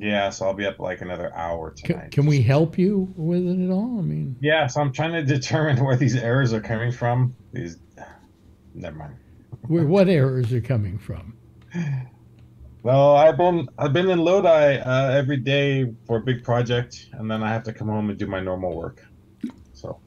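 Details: Adult male speaker in a phone-style conversation; normal voice.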